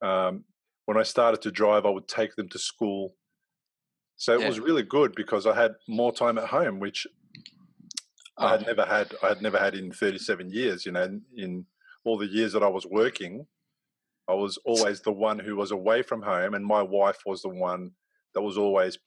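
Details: Adult male speaker; normal speech.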